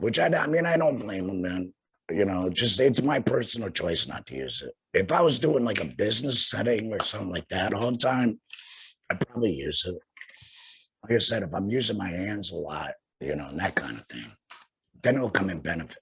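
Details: Tracheoesophageal voice in an adult man about two years after total laryngectomy for head and neck cancer, speaking via tracheoesophageal puncture by finger-occluding his stoma/HME.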